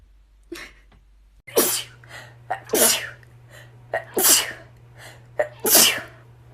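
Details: A quick run of about four or five sneezes, each with a sharp in-breath before an explosive burst, over a steady low hum: rapid repeated sneezing from a TikTok compilation.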